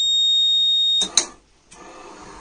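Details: Automated bag-valve (AMBU bag) mechanical ventilator with motor-driven pumping; a steady high-pitched electronic alarm tone sounds, cut off by handling noise.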